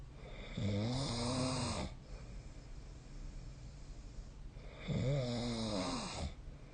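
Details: Recording of a person snoring in sleep: two loud, low, vibrating snores on the in-breath about four seconds apart, with quiet room noise between; snoring.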